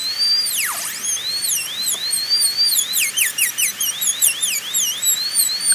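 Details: High-speed dental drill with a high-pitched whine rising and falling as the bur cuts, preparing an MOD ceramic onlay on tooth #18 on a typodont (practice tooth), shaping the cusp plane angles.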